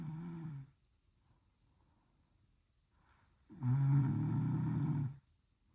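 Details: Loud, low, rattling snores on the in-breath in a quiet room: the end of one snore, a quiet pause, then a long full snore.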